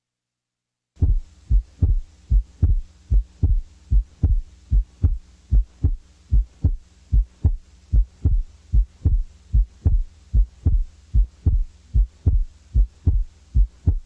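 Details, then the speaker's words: Physiological splitting of the second heart sound: steady heartbeat at about 75 a minute, with the second sound splitting as the breathing changes; a normal finding. "así como se explica el desdoblamiento fisiológico del segundo ruido carrier"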